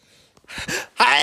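Quick catching inhaled gasps building up, ending in a loud breathy burst, like the lead-in to a sneeze.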